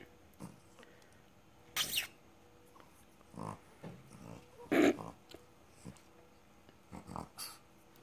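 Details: Sleeping male rescue dog snoring very loudly, with irregular snorting, snuffling breaths and a few louder snorts: snoring.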